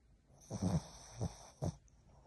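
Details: Sleeping Boston terrier snoring: three low, rattling snore bursts with a steady faint high hiss behind.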